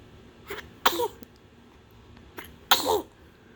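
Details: Two-month-old baby sneezing: two small sneezes, each after a quick catching breath, in a quiet room; ordinary sneezing.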